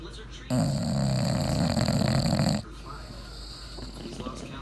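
One long, loud, rattling snore from a sleeping bulldog, with quieter snuffly breathing around it; snoring typical of a flat-faced dog.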